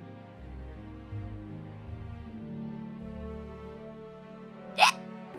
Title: Hiccups [Hololive EN/]